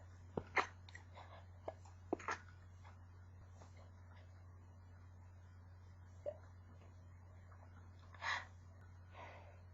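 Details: Stifled sneezes, growing more powerful toward the end and harder to stifle: several short, muffled, barely voiced sneezes over a steady low hum.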